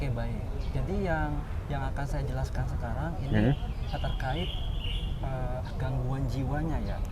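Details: Adult man, newly graduated doctor from Aceh, who has stuttered since childhood, speaking Indonesian; stuttering.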